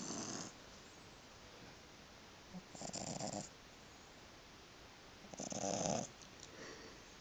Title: Coco, 3 months old boston terrier snoring